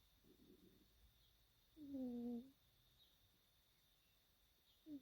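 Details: Sleeping kitten: quiet breathing with soft, squeaky whistling snores every few seconds over a faint hum; snoring.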